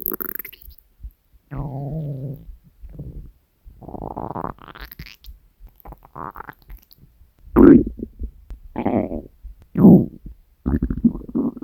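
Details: Hunger stomach growling recorded from the person's own belly: several loud gurgling, growling rumbles with gaps between them; normal borborygmi.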